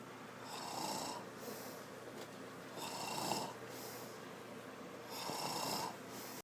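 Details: Rhythmic rasping breaths about every 2.5 seconds, roughly 26 a minute, with quieter breaths between, in a quiet room: ordinary snoring.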